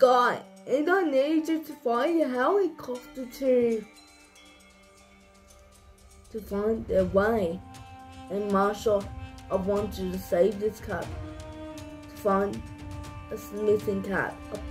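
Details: Young speaker narrating a story; speech in cerebral palsy (dysarthria).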